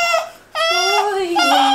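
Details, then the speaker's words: Newborn girl, morning after birth in hospital: short bursts of high-pitched crying with a brief pause, ordinary cry like when she needs a diaper change or is hungry. "as sad as you just saw her was about as sad as she has been whenever she needed her diaper changed or she was hungry."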